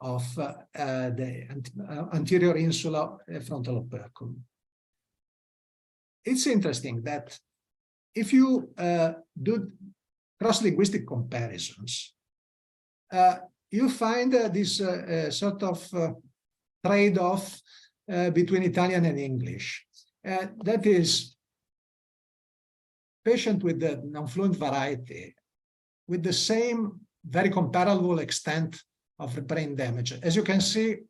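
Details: Adult male speaker, lecture; normal speech.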